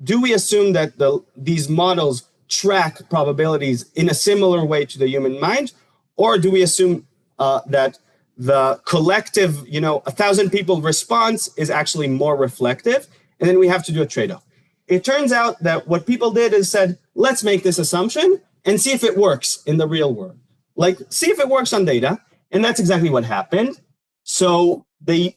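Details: Adult male lecturer; normal speech.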